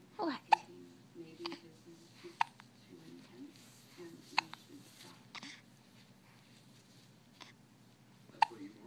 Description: Yes, I felt the need to record her hiccups